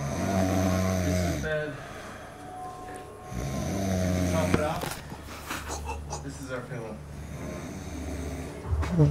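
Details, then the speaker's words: Loud, rough, low-pitched buzzing breaths of a young man sleeping, likened to an old father's snore, with nearby voices and room noise; heavy snoring. "Dit kleine jochie snurkt zo hard. Wat de fuck? Dat klinkt als een vader."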